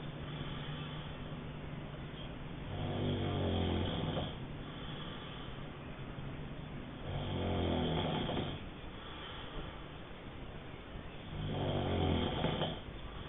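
Three rattling snores over about thirteen seconds, roughly fourteen breaths a minute, with steady background hum; ordinary snoring.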